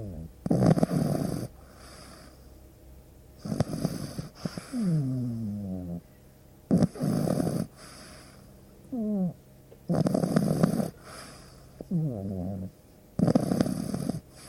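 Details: Pug dog asleep: five loud rhythmic snores about every three seconds, roughly 20 a minute, each followed by a brief wheezy whistle on the out-breath; snoring.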